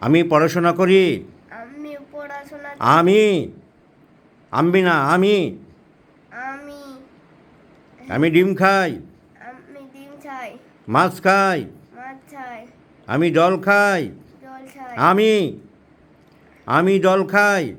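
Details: Stuttering in a boy of about six who repeats simple Bengali sentences after the doctor as a practice exercise; the doctor attributes it mostly to nervousness in mild, shy children.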